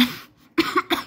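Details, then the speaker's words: Speaker with a hoarse voice coughs repeatedly while talking; cough. "sorry about my voice sorry if I keep coughing a lot I hope that's not too distracting"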